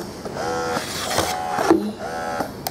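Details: Malish single electric breast pump, rechargeable and marketed as low-noise, run on stimulation and expression modes up to maximum level: repeating motor whine rising and falling about once a second; electric breast pump running.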